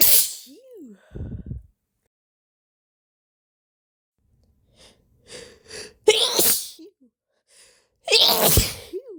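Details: Female with a slight cold, inducing sneezes: several sneezes, each preceded by catching, gasping in-breaths and sniffs, with quiet pauses between; sneezing.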